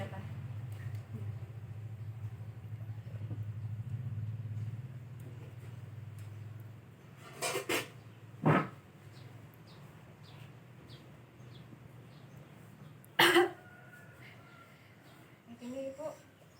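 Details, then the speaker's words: A nursing student demonstrates effective cough training with a seated adult woman. After drinking water, she gives two forceful deliberate coughs several seconds apart. Quiet room; an acted, voluntary effective cough. "Selama 3 kali, setelah itu Ibu batuk keras ya Ibu, 2 kali begitu ya Ibu."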